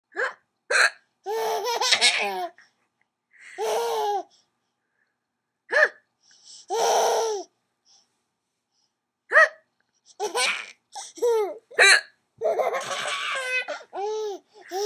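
Short, abrupt voiced catches come repeatedly between bursts of laughter, fitting hiccups.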